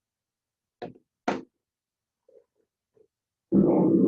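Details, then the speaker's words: Voice auscultation on a chest simulator mannequin: the spoken "99" comes through the chest wall sharp and distinct. This increased, clear voice transmission is pectoriloquy. "Pectoriloquia, muy bien. Pectoriloquia es aumento de la transmisión de la voz nítida."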